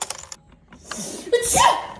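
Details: An adult (mother) gives a single loud, deliberately acted sneeze after a short indrawn breath in a small room, staged as a prank on children; sneeze.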